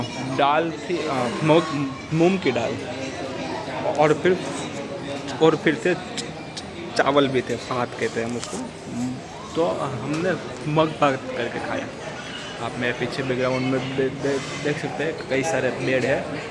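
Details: Adult man with stammering, day 65 of a self-directed stammering-control programme of breathing, slow counting and reading-aloud exercises, speaking in a public hospital; stuttering.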